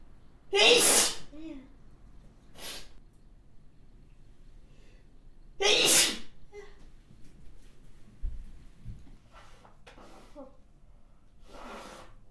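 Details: Two loud, explosive spray sneezes with sharp bursts of air and softer sniffs and breaths between them: sneezing.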